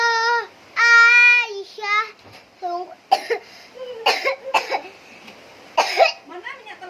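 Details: A first-grade elementary school child singing a song about Aisyah breaks off into several short, sharp coughs, followed by faint vocal sounds; repeated coughing.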